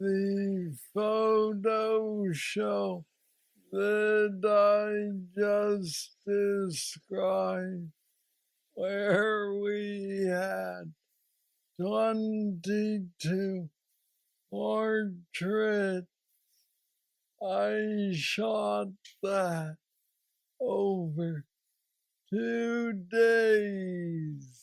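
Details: Man diagnosed at age 35 with Parkinson's disease he calls the most aggressive of anyone he knows, now 46, with mobility struggles, treated aggressively including a brain neurostimulator implant; Parkinsonian hypokinetic speech.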